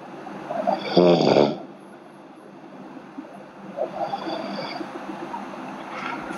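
One loud, fluttering, low rattling snore on an in-breath, then quieter breathing with a fainter second snore against steady room hiss.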